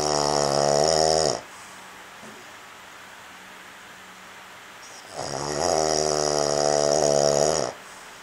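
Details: Sleeping man, snoring loud enough that earplugs didn't help roommates: two long, loud, buzzing snores a few seconds apart, with a quiet pause between; snoring.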